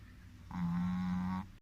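A single sustained low, droning tone lasting about a second, consistent with a small dog's snore.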